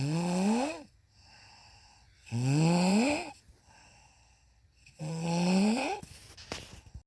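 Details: A mother snoring: loud, rising, voiced snores on each in-breath with quiet out-breaths, about three cycles in seven seconds.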